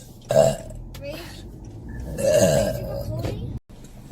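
Two loud, drawn-out belches about two seconds apart, with quiet room noise between: burping.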